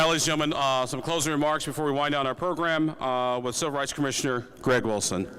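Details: Adult male speaker; normal speech.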